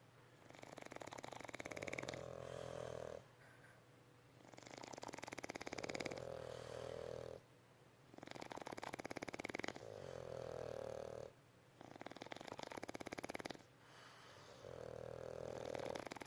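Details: Loud, rattling sleep snoring from a bulldog in long regular cycles, about four breaths a minute, each with a droning buzz.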